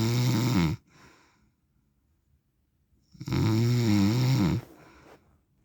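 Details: Snoring recorded for 10 minutes from a sleeping adult man, the uploader's husband or dad.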